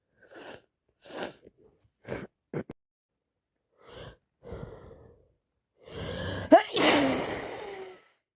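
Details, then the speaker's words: Several sniffs and short breaths building to one loud explosive sneeze with a gasping intake, from a person with a heavy cold, itchy nose and constant sneezing and sniffing for three days. "My nose is so itchy. It's unbelievable. Just can't stop sneezing, itching, my nose, sniffing, sneezing. It's been like that for three days now."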